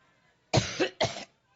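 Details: Two short, harsh cough bursts from an adult woman speaking at a Labor Day campaign event in Cleveland, Ohio.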